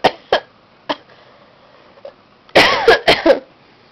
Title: laadus panic as his mom coughs :-))